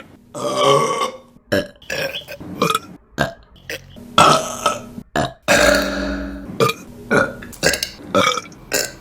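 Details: Women belching in a burping compilation: a rapid run of loud, voiced belches of varying length, one after another with short gaps; burping.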